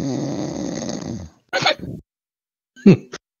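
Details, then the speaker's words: Man falling into deeper sleep, snoring louder: a long rattling snore, then short snorting breaths with pauses between them. "tell that he's falling into a deeper sleep because he's trying to snore louder now"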